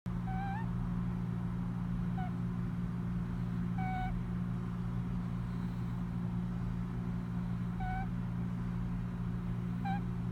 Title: cat snoring while sleeping